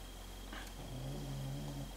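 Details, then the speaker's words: A single low, rumbling snore from a small bulldog sleeping in a quiet room; snoring. "alors si vous vous entendez ronfler ce n'est ni moi ni renchérit n'est pas là c'est mon chien c'est mon petit bouledogue qui fait deux tours"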